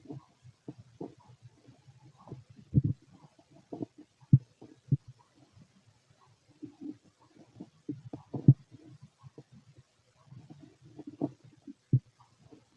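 Soft, scattered low gurgles and clicks with occasional louder pops; ordinary bowel sounds of an empty stomach.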